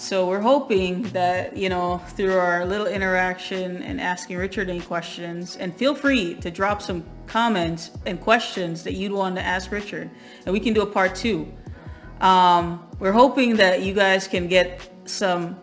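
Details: Adult woman; fluent speech.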